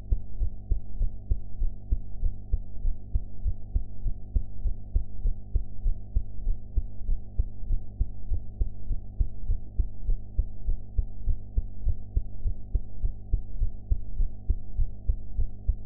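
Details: Steady low heartbeat thuds about 100 a minute under a constant low hum, self-recorded heart sounds after eating; sound quality enhanced.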